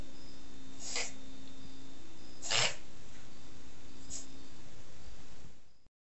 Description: Here is a brief video of a Papillon mix reverse sneezing. Reverse sneezing is essentially a harmless reflexive action that some dogs do when there is nasal or throat irritation or sometimes just when they get excited.